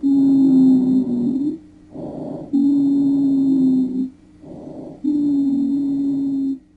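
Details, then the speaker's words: Wheezes: long high-pitched musical whistling tones on expiration alternating with short inspirations, about 24 breaths a minute, indicating major bronchial obstruction as in bronchial asthma, unchanged by coughing. "Tenemos a las cibilancias, es un sonido agudo e indica gran obstrucción. El ruido es parecido al que se produce cuando silvamos."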